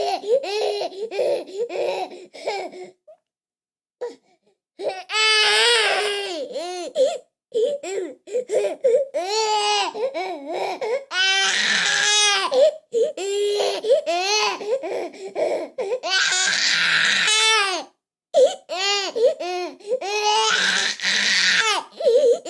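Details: Infant crying, from a sound-effect recording: repeated high, wavering cries and whimpers in short bursts with brief pauses.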